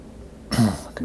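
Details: Single rough throat clear in a quiet room, from an adult recovering from a cough and cold, while recording.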